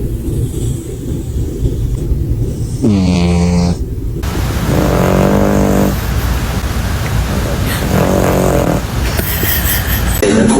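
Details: Snoring in a cat: repeated loud, rattling, vibrating breaths over steady background noise, sounding much like a human snore.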